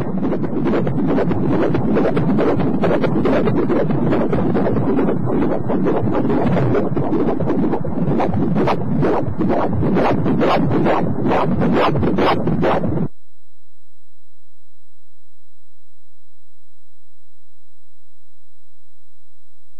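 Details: Fetal heartbeat on Doppler ultrasound during pregnancy: rapid, regular whooshing pulses at about 135 beats per minute, a normal rate.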